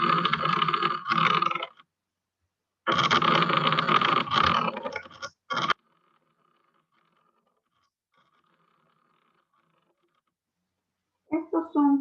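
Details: Pleural friction rub heard on chest auscultation of a patient in respiratory failure being assessed for high-flow oxygen therapy.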